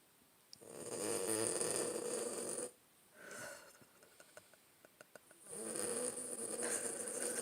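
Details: Sleeping Boston terrier snoring: long, loud rattling snores with a whistling quality, separated by quiet pauses and faint clicks.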